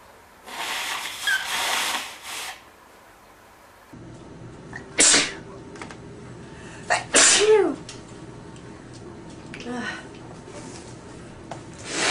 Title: Sneezing and Nose blowing at his best I Part 2